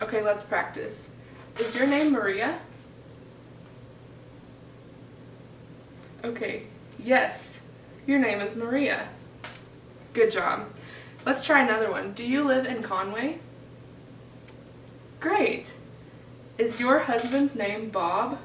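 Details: Adult woman, clinician; typical speech.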